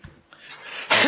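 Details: A man coughs once indoors during a speech on regional budget deficits: a brief rising breathy sound, then one abrupt, loud, noisy cough.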